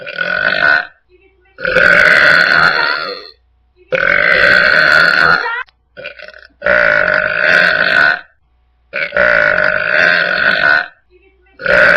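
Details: About six long, loud, rumbling burps, each one to two seconds, with short quiet gaps; burping.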